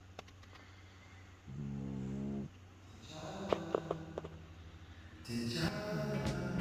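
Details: A few buzzing, rattly snoring breaths, the last louder and harsher, with clicks and room noise, from a sleeping French bulldog puppy; snoring.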